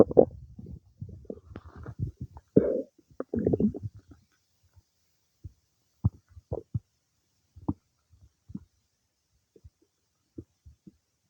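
Irregular gurgles, squelches and short pops, busier at first and then sparse. Active bowel sounds of normal digestion.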